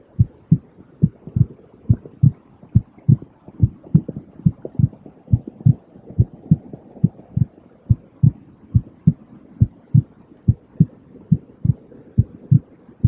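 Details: Heartbeat in a white-noise track: steady, soft, low thumps under a faint hiss. It is a 5-minute soothing relaxation track for babies, children and adults, meant to aid sleep and to mask tinnitus.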